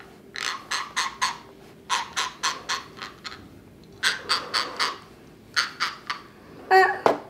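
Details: Rapid runs of short gritty scraping clicks as a young girl with congenital CMV, autism, cerebral palsy, and hearing and vision loss grinds her teeth (bruxism).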